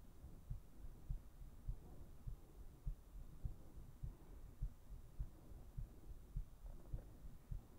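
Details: Heartbeat recorded for a no-talking ASMR sleep video; steady low regular thumps at about 100 a minute over a soft hum; regular heartbeat.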